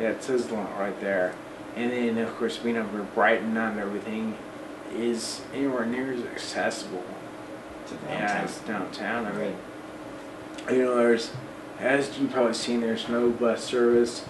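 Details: Man of almost 40 with Friedreich's ataxia who uses an electric wheelchair; voice worse than 10-12 years ago, talking a struggle and harder over the last 6 months; ataxic dysarthria.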